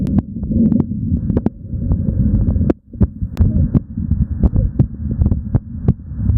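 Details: Fast, regular lub-dub heart sounds over a low rumble, recorded live during exercise and faster than the resting heart; normal heart sounds with exercise tachycardia, no murmurs.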